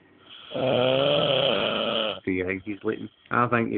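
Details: Long, loud, buzzing snore followed by shorter rattling snorts from a sleeping adult friend, possibly after drinking; snoring.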